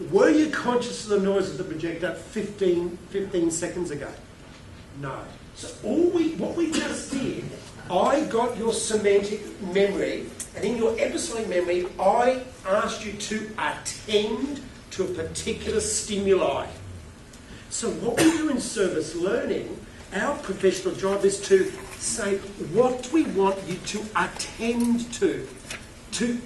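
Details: Adult male keynote speaker with a self-reported stutter who finds microphones scary, speaking at a conference; stuttering.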